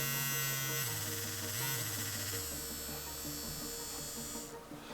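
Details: Loud buzzing hum of a wireless electric ultrasonic dental calculus remover and toothbrush, its pitch stepping down as the vibration mode is changed by touch.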